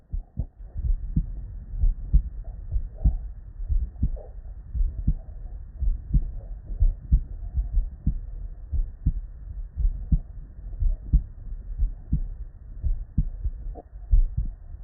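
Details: Real, unedited bedside human auscultation from a patient with normal cardiac physiology; steady low S1 and S2 at about 60 beats a minute with no extra sounds: normal heart sounds.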